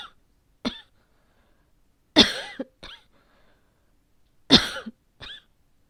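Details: Coughing from someone with asthma that had been controlled but seems to be acting up today at the change of season; the cough is possibly asthma-related.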